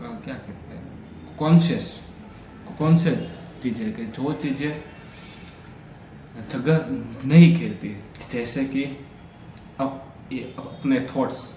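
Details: Stammering in an adult man on day 3 of a daily fluency practice routine, during continuous speaking practice for fluency.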